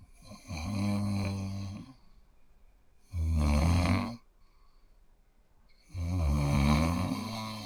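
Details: Sound-effect recording of deep-sleep snoring: three low, soft rumbling snores on in-breaths, about 21 a minute, with quiet pauses between them in a still room.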